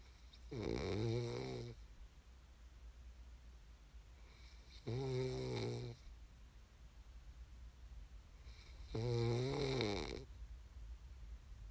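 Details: Three loud, rattling snores on breathing in during sleep, about 14 a minute, with quiet exhalations between them; snoring.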